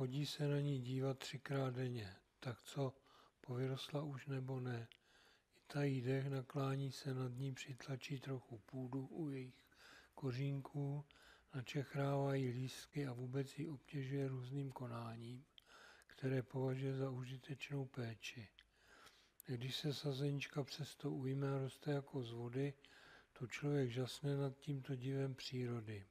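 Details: Adult male speaker with Parkinson's disease; hypokinetic dysarthria.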